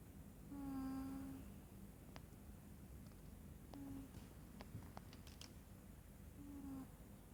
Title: Kucing Mendengkur #anabul #cat #catlover #catlovers #meow #mendengkur